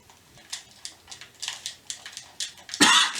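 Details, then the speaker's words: Simulated, acted single sharp cough by a man in a comedy lockdown sketch, after light clicks and taps in a small room; he says fear of coughing made him want to cough. "Mec, t'as toussé là! Non mais je sais, mais c'est parce que tu m'as dit que t'avais peur du tout là. Moi du coup ça m'a donné envie de tousser."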